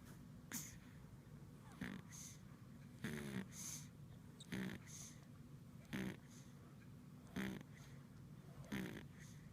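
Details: Regular snorting snores with short whistly exhales, about seven in nine seconds, over a steady low room hum, in dim light; ordinary snoring.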